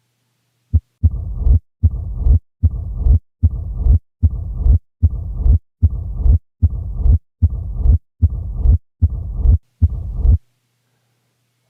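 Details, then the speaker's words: Teaching example of a low-pitched heart murmur: regular low, rumbling murmur with each beat at about 75 per minute. "here's an example of a high pitched murmur here is a low pitched one"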